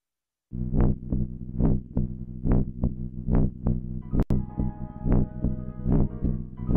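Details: A mother's normal adult heartbeat, regular soft thumps at about 70 beats per minute, recorded with a heartbeat-capture device and played under gentle lullaby music for a baby.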